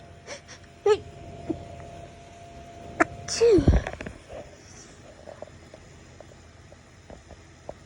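Several muffled, suppressed sneezes with short breathy bursts, then a longer voiced sneeze; stifled sneezing in a quiet room.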